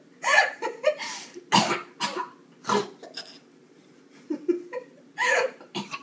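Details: An adult mother gives several short, harsh coughs in irregular bursts while a baby giggles brightly in response, with light room noise; an ordinary cough.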